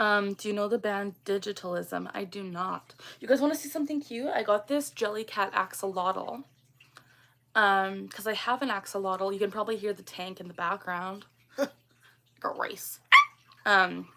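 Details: Woman, 24, with Tourette syndrome; the vocal tic phrase "got rice" interrupts her speech during a livestream. Vocal tic (Tourette syndrome).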